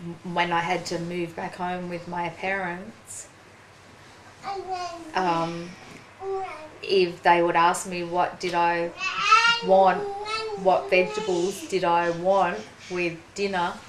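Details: Woman, 43, with aphasia after a ruptured brain aneurysm and stroke 4.5 years earlier, with one-sided weakness; slower speech and trouble getting words out; aphasia.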